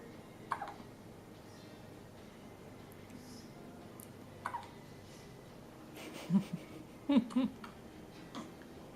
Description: She gets hiccups almost six times a day. Sometimes they don't bother her (like this time) and other times she gets frustrated.